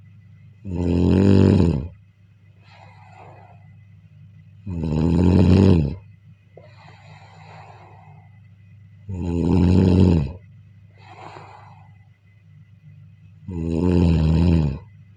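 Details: Snoring during sleep: loud, deep, rattling snores on each breath in with softer breaths out between, about 14 breaths a minute.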